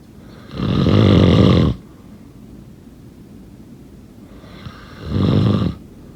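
Two loud, rattling snores on breathing in, about four seconds apart, with quiet room noise between; ordinary snoring.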